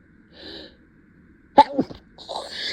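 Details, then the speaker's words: Simulated, acted sneeze in a staged dusty-cave scenario: a short inhaled build-up, then one sharp, forceful sneeze. "right the dust is really bad in here it's just really tickling my nose oh God it's it's coming again I can feel it I oh God this is this is so hard"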